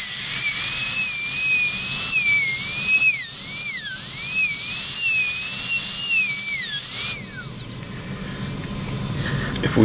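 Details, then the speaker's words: Electric dental handpiece turned down to about 20,000 RPM with a 330 bur, smoothing a nearly completed Class I preparation on a typodont with sweeping strokes: high-pitched whine rising and falling, then stopping. "I can go back in and what I would do at this point with your electrican pieces is go back through turn it down to about 20,000 RPM uh with the same bur on and go back to through and just kind of smooth things up a little bit and come in here nice and slow get the floor real nice and smooth"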